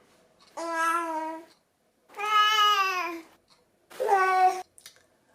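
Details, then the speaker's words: Infant calling out when lonely or bored, heard as three drawn-out, tuneful 'la la la'-like calls in a quiet room; an example of Dunstan baby language attention-seeking vocalization. "lorsqu'il se sent seul qu'il essaye un petit peu de vous appeler ou qu'ils s'ennuient ça va être plus à la la la quelque chose comme ça"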